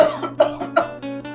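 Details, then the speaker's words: Acted cough in a cough syrup advertisement: three short, harsh coughs from an adult man, with music playing underneath. "अरे यार की वज से traffic jam था तुम्हें तो बहुत ज्यादा खांसी"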